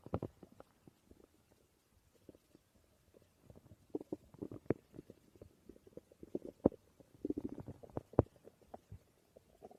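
Irregular gurgling and rumbling bursts from the belly, clustered in runs with quiet gaps: ordinary stomach growling from gas and fluid moving through the gut.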